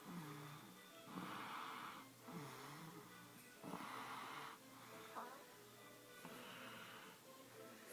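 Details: A snoring baby: slow, rhythmic rasping breaths, about 24 a minute, over faint background music.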